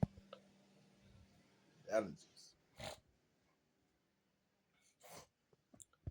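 One forceful sneeze followed by short bursts of nasal sniffing, with quiet pauses between.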